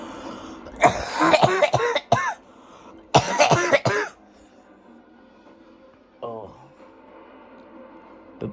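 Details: Child with a cough lasting about 25 days, feeling much better, coughing more after playing football: two bursts of several rapid, harsh coughs, each fit running into the next, then quiet; persistent cough.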